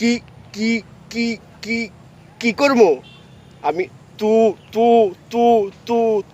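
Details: Acted stuttering in a Bengali comedy skit: a character stutters with syllable repetitions.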